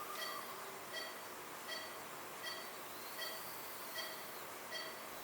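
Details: Cataract surgery on a 75-year-old man with a white hypermature cataract and a toric IOL, after earlier pterygium surgery with conjunctival autograft: steady phaco machine hiss with soft high pulses about 80 a minute during low-flow nucleus sculpting.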